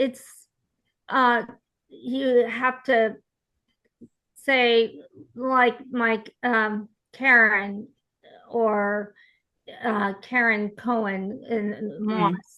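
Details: Aphasia support group participant, likely a woman, speaking with hesitations and word-finding pauses; aphasia.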